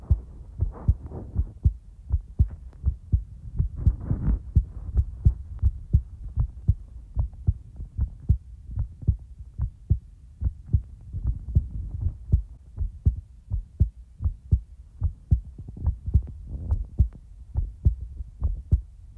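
Steady, soft low thumps in pairs, repeating regularly over a faint hum; a calm heartbeat heard up close.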